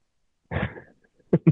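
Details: Adult man with "spicy cough", apparently COVID-19, recorded in isolation: a short, rough cough burst, then two brief sharp coughs, in a quiet room.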